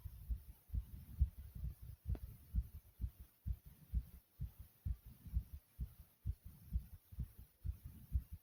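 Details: Person's own fast, strong heartbeat with heavy breathing: rapid, strong, regular low thumps at about 130 beats a minute, tachycardia (fast heartbeat).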